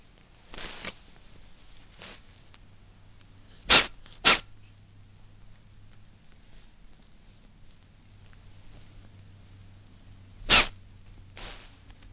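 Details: Sneezing recorded on a Flip Video camcorder: several short, sharp, hissing bursts, some in close pairs, with quieter snuffles between, likely from a small dog.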